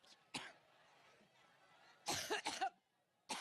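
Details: Adult woman during a speech in Cleveland, Ohio: a single earlier cough, a quiet pause, then a burst of repeated harsh coughs; a short coughing fit.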